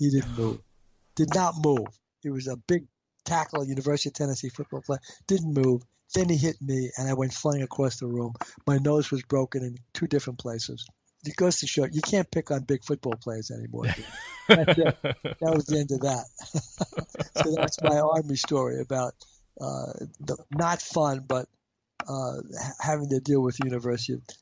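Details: Adult man with a stutter; stuttering.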